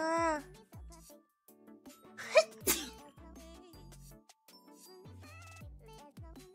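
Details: Cartoon character Neneka sneezing: a short, sharp sneeze burst in a cartoon-style voice, with music playing in the background.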